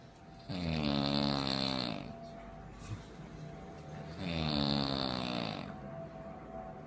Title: Wife Sounds Like An Airplane When She Snores